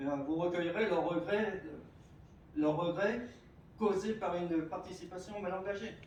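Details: Adult male speaker (French); stuttering.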